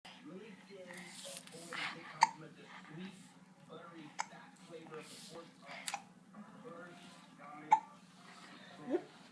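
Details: A recurring episode of hiccups in a female who seems to like them: sharp, brief throaty clicks every few seconds among soft voices and room noise.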